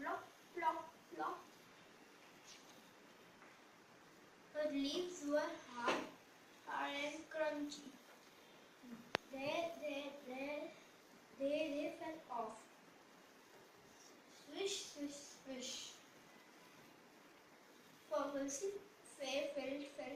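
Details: Boy stammering for four years, described as developmental onset with psychological origins and worse with fear, excitement or hurry, reading a story aloud before a single NLP session, with broken and repeated phrases; stuttering.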